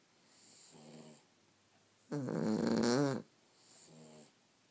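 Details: Sleeping Cavalier King Charles Spaniel in a quiet room snoring: three rhythmic breaths, two soft and one loud rattling one in the middle.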